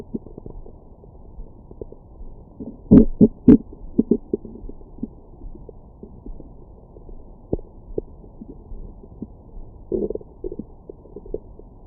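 Gurgling, bubbling rumbles with a louder burst early on; ordinary stomach growling after a meal.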